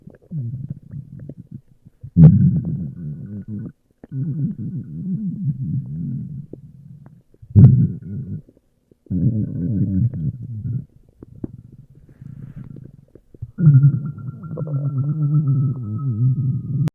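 Low gurgling rumbles from the abdomen in repeated bursts, ordinary stomach growling from gas and fluid moving.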